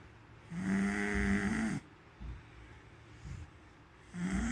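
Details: Loud, long buzzing snores on inhalation with quieter breathing between; person snoring, jokingly attributed to eating chocolates.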